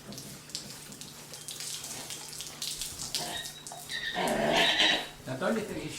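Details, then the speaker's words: Sedated gelding horse having his teeth floated: the mouth is flushed with water to wash out food pocketed in the cheeks, with pieces of hay coming out. Splashing, gushing water with some snorting and breath noise. "so we're just going to flush out and try to get some of that food that he's saving for later we'll push that out"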